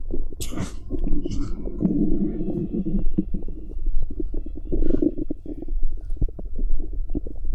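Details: Stomach noises recorded from a pregnant woman's abdomen: low rumbling and gurgling with irregular bubbling pops; ordinary bowel sounds.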